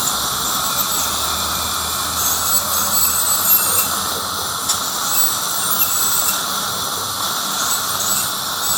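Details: Steady high-pitched whine and hiss of a dental instrument running throughout a cleaning at a first-ever dentist visit.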